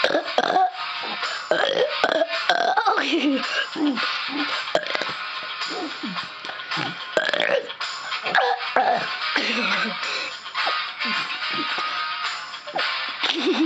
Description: The Burping Master Strikes Again....